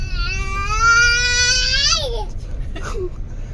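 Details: Infant just over ten months old who keeps sneezing: a single loud, sustained high-pitched cry that falls off at the end, then a brief softer whimper; infant cry.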